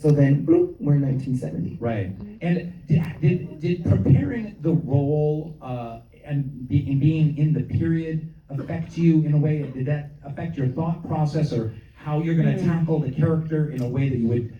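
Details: Adult man speaking; normal voice.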